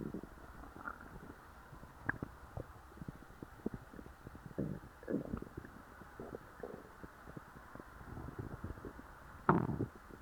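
Quiet gurgles, squelches and brief rumbles of a full stomach; ordinary bowel sounds.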